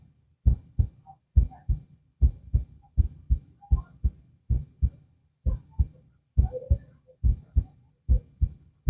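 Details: Heart auscultation while the subject lies down, with two minutes at each listening spot: steady, paired lub-dub sounds at about 68 beats a minute in a regular rhythm; normal heart sounds.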